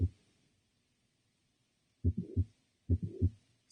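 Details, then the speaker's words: Teaching example of a systolic ejection murmur occurring between S1 and S2, less harsh than the diastolic one: low heart sounds with a softer whooshing filling the gap between the first and second sounds. "it's different from a murmur that is occurs as a systolic ejection where it's you know occurring between s1 and s2 and it is just sounds less harsh after that s1 and s2 occurs"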